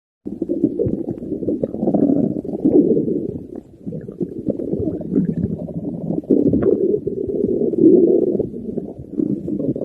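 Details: Stomach growling (borborygmi): continuous low gurgling and rumbling with shifting, bubbly swells and brief dips as gas and fluid move through the gut.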